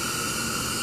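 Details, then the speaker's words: Steady loud hiss of rushing gas as the oxygen flush valve fills the breathing bag, bringing the manometer to about 30–40 cmH2O during an anesthesia machine leak test demonstration. "so you're going to fill this bag here using the flush valve bypasses the vaporizer because we're not beans turn the vaporizer on all relief testing our system and then five passes the co2 absorber"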